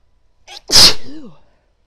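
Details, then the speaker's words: Female with a tickly nose during a sneezing fit: a short breathy intake, then one forceful, hissing sneeze trailing into a brief voiced tail; an ordinary sneeze. "Oh my god, that was really wet. Oh, it felt amazing though. Bless me. That was big."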